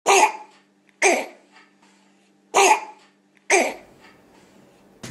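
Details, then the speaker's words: A child with croup, caused by sudden swelling of the vocal cords and mostly viral, gives four harsh, hoarse, barking seal-like coughs. "Çocuğunuz Buradaki gibi boğuk boğuk Hatta havlar gibi öksürmeye başlar"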